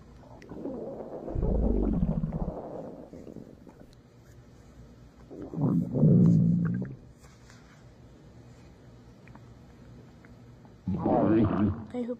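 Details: Three long, low gurgling rumbles from a big belly after a large meal: ordinary stomach growling (borborygmi) from gut movement.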